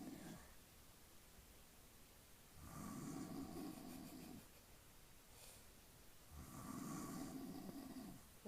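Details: Snoring from a sleeping father: two long, rough, low snores separated by quiet breathing, with a faint whistly edge.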